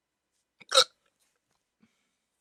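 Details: One short, sharp gulping hiccup in a quiet room during a rare 14-minute hiccup attack after waking from sleep with a CPAP mask used for sleep apnea; hiccup.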